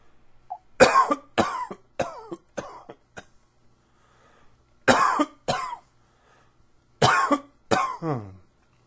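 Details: Allergy-related coughing: seven or eight sharp coughs in short clusters with some throat clearing, in a quiet room: cough.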